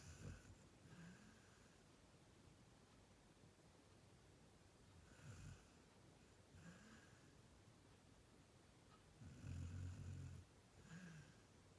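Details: Snoring in a sleeping female retriever-mix dog, recorded circa 2018: soft, low rumbling snores recurring about every second with irregular spacing in a quiet room; ordinary sleep snoring.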